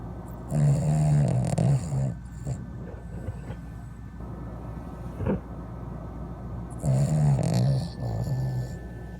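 Two loud, low, rattling snore sounds a few seconds apart with quieter breathing between, typical of a sleeping dog snoring.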